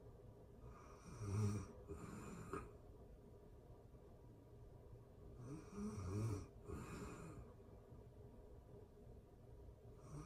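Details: Real-time recording of a person asleep: low rattling snores on each in-breath, about 13 breaths a minute, with quiet out-breaths between; steady snoring.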